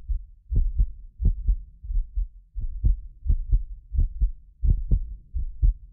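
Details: Heartbeat of a medically fit adult recorded with a sensitive precision contact microphone: steady paired low lub-dub thumps at about 80 beats a minute; regular normal heartbeat.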